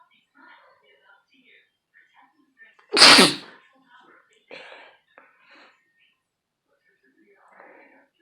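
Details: One loud, sudden sneeze from a person amid quiet murmured speech, with soft breaths before and after; a single ordinary sneeze.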